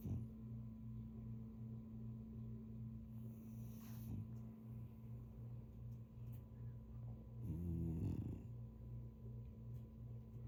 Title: Frenchie Snoring While Sleeping. #frenchies #dogs #doglife #dogsleepsounds #puppy #frenchie #cute